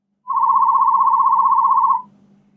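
A steady pure tone lasting under two seconds over faint low hum, a hearing-test tone.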